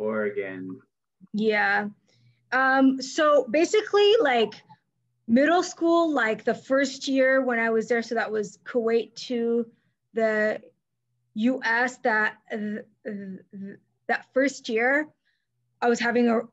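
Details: Adult woman who stutters, herself a speech-language pathologist; mainly silent blocks when younger, later fillers, with covert periods; here part-word and word repetitions; stuttering.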